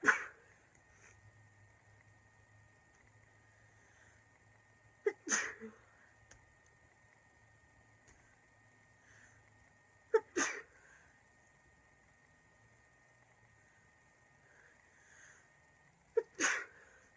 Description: girl with a really bad cold can’t stop sneezing